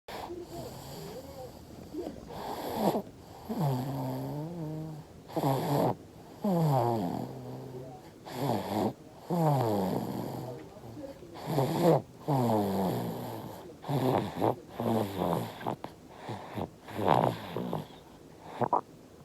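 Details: Infant snoring.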